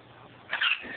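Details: Stressed cat on medication coughing: a single short, harsh, hissing burst against quiet room noise, with the owner soothing it; cough.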